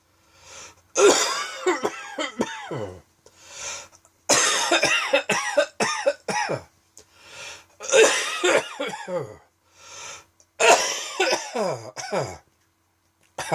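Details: An adult's dry, tickly evening coughing fit that came on unexpectedly, with repeated bouts of hacking coughs separated by quick breaths.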